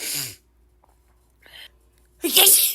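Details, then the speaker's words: Woman in an itchy allergic sneezing fit, tagged ragweed allergies, unable to stop sneezing: explosive sneezes with a quick breath between, part of a run of repeated sneezing. "sneezing I guess I'm just gonna keep recording and see how many I how many times I sneeze so I guess we'll see good sneeze again"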